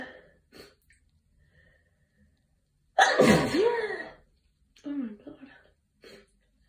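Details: Allergy-related sneezing from a tired person: soft sniffs and breaths, then one forceful sneeze into a tissue, followed by a weary sigh and quiet breathing.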